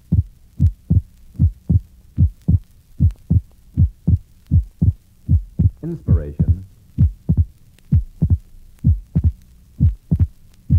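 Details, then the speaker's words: Patient with right bundle branch block: regular heartbeat near 77/min with abnormally wide splitting of the second heart sound. "this is an example of abnormally wide splitting of the second heart sound in a patient with a right bundled branch block"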